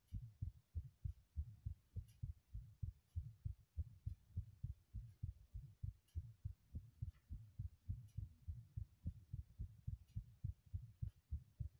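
Steady, regular low thumping of a heartbeat at roughly 100 beats a minute, with no other sounds.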